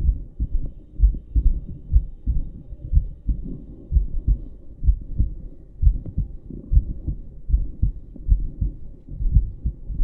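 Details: American woman's heartbeat recorded through a stethoscope while filming in London: muffled, steady double thumps at about 65 beats a minute, a regular normal adult heartbeat.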